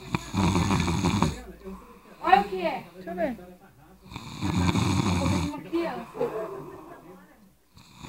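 Two long, loud, rattling snores with softer nasal breathing sounds between them and faint room noise.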